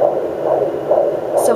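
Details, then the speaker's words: Fetal heartbeat on a Sonoline B pocket fetal Doppler in the mother's second pregnancy, recorded with her standing: rhythmic whooshing pulses with a brief bump at the end from a fetal kick. "there we go so hopefully you can hear that and you can hear every time the baby either elbows it or kicks it or anything like that"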